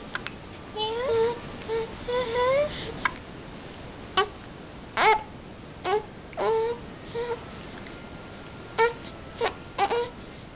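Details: A fussy infant whimpers and cries, broken by sharp gasping catches about eight times in ten seconds; the infant has hiccups while crying.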